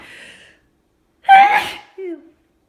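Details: Allergic sneezing with itchiness: a sharp, explosive sneeze followed by a brief groan, in a run of rapid sneezes.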